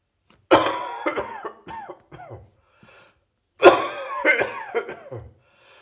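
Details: Residual morning cough in an adult: two bouts of loose, rattling coughing, each a strong burst followed by several shorter coughs, in a quiet room; a lingering productive cough.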